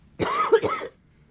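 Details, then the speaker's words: A single harsh, voiced cough with two quick bursts from an adult woman who has been sick this weekend, in a quiet room. "I apologize for the coughing we should have grabbed my cough drops they think they are upstairs"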